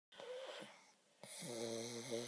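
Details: Two noisy breaths, the second a long buzzy, whistling snore with a steady low rattle, from pug dogs napping; snoring.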